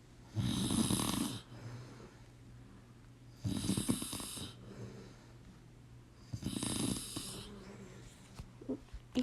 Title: DONT MIND THE SNORING IN THE BACKGROUND 🥲